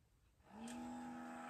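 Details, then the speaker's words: Electric baby nasal aspirator (MOMYMUST) switched on by holding the power button, with low, medium and strong settings. It is being set to low for a one-year-old, and its small motor settles into a steady humming whine. "as you can see it started to suck you can have there are three different uh settings here there is low medium and strong"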